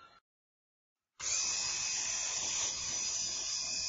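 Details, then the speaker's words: Arthroscopic drilling of the medial tibial plateau in a 56-year-old woman with varus deformity and bone-on-bone medial compartment degeneration: brief silence, then a steady high-pitched powered drill whine, drilling at an angle about 1 cm deep. "So we're starting to drill now. So this is drilling at an angle, about one deep, about one centimeter, and leaving about 0.5 centimeter to 1 millimeter apart."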